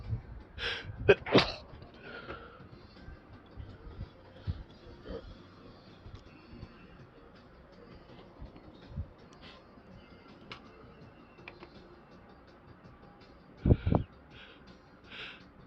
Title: chhinkni sneezes :D